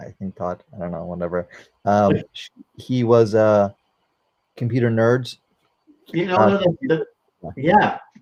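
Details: 44-year-old man, former paramedic, with post-stroke aphasia following a stroke during valve surgery; cannot use one arm; aphasia.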